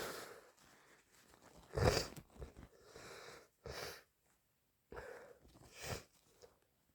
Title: Day 3 of my cold - Sneezing and blowing all day (Compilation)